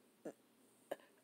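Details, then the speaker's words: Two brief, soft coughs about half a second apart in a quiet room from an adult who reports nasal voice, crackling voice, headache and feeling feverish after being coughed on the day before. "I should have left that room how that lady was coughing all on me yesterday. You hear how I sound today? I sound all nasal."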